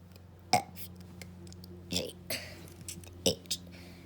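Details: Deliberate voiced burps shaped like spoken letters, burping the ABCs over a steady low background hum; burping.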